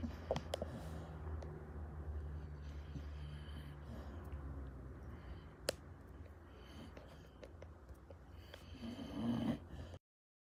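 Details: Sleeping pitbull snoring: low, rumbling snoring breaths with a snort in a quiet room.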